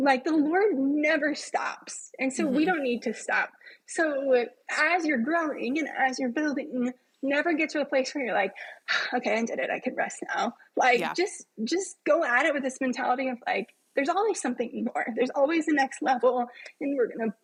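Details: Adult woman with self-reported spasmodic dysphonia, a vocal cord spasm, heard in her speech during a podcast interview; spasmodic dysphonia.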